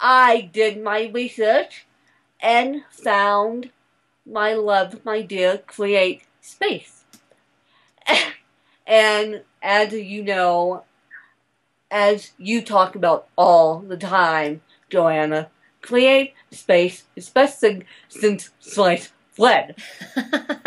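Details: Adult woman speaking; dysarthria (cerebral palsy).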